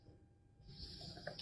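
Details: After a quiet moment, a single rough, noisy snore-like breath with a low rumbling edge in a small room during a recorded Bengali religious lecture; someone snoring.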